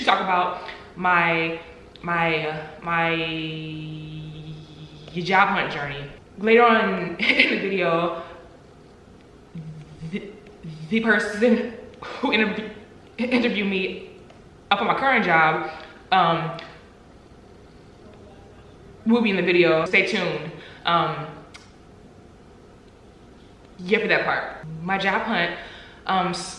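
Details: Stuttering in an adult woman, with audible word repetitions.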